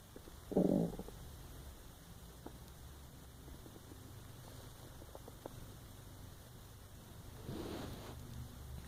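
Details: Brief low gurgling rumbles from an empty stomach over steady room hiss, recorded while lying awake unable to sleep; normal stomach growling (borborygmi).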